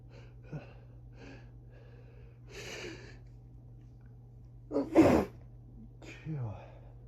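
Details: Early-morning (around 6am) allergic sneezing fit during high grass pollen season: soft sniffs and breathy catches build to one strong explosive sneeze, then a gasp, steady background hum; rapid sneezing from allergic rhinitis.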